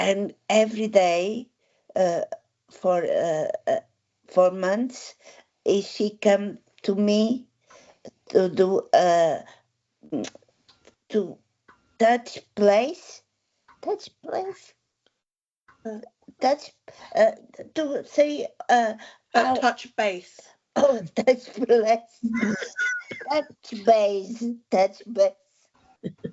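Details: Adult woman with aphasia following a stroke eight years ago, with word-finding difficulty, repetitions and word substitutions; aphasia.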